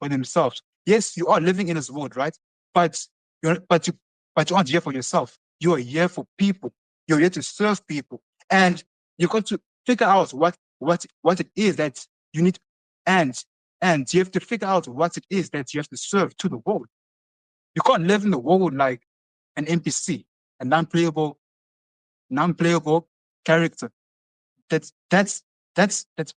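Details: Adult motivational speaker who stutters, heard in conversation; stuttering with repeated words and phrases.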